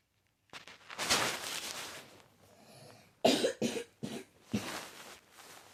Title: Guys the coughs are my cousin coughs the sound is my little brother